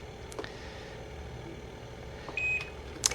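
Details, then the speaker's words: A single short electronic beep over quiet room noise as the bell button is held to switch off the alarm on an Inogen One G5 portable oxygen concentrator: device button beep. "just going to hold a little bell button down and for a second or two and release and you'll see that X come through"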